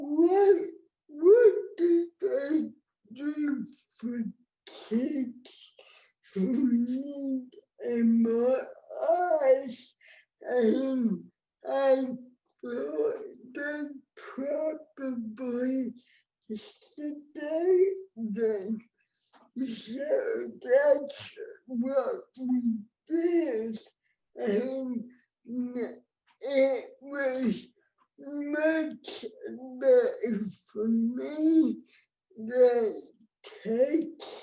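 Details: Adult woman with cerebral palsy, born before the ADA, with heavily affected speech; dysarthria (cerebral palsy).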